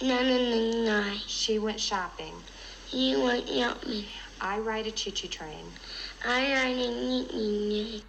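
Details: Demonstration of hypernasal speech, a resonance disorder with too much air coming from the nose while talking, from a presentation on children's voice disorders. Finding: hypernasality.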